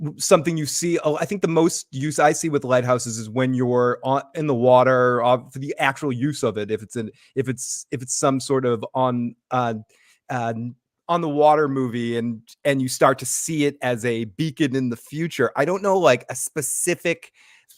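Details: Adult man speaking; normal voice.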